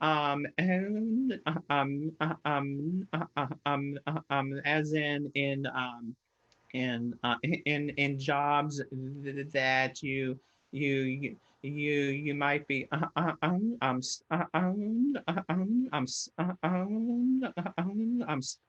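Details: Stuttering in an adult who stutters, presenting at a webinar.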